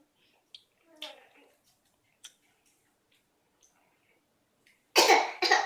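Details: Mostly quiet with faint clicks and a soft vocal sound, then two loud harsh coughs in quick succession: child's cough.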